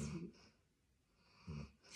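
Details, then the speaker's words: Two soft snorting breaths about 1.5 seconds apart in a quiet room: light snoring in the background. "Bon, attention, hein, Fifi ronfle un petit peu."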